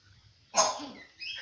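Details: Bird cough: a single sharp, harsh, cough-like burst from a bird, followed by a brief softer call.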